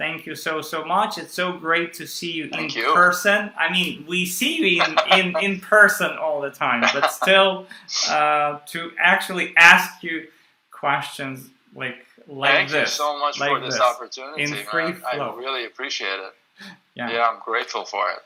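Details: Adult male who stutters; he reports stuttering more when reading a script aloud than when speaking freely. Stuttering.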